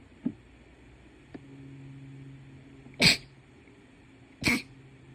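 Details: Two sharp, hissing sneezes from a small animal in a quiet room; sneezing.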